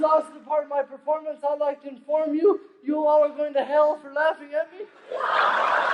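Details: Adult male stand-up comedian who says he lives with cerebral palsy, performing real stand-up; dysarthria (cerebral palsy).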